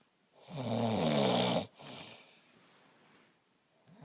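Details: Snoring: one loud, rough inhaled snore of about a second, followed by a softer breath out.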